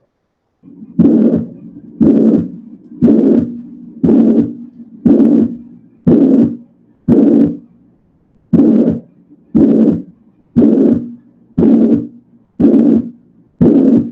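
Loud, harsh, vibrating murmur fills each systole at about 59 beats a minute, with quiet gaps between. This plateau-shaped holosystolic murmur is typical of a ventricular septal defect, a congenital opening between the ventricles; its loudness reflects the defect's size and often comes with a palpable thrill.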